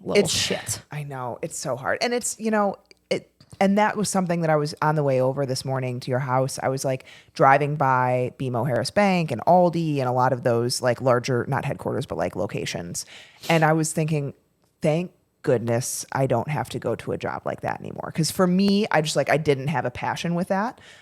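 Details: Adult woman speaking; normal voice.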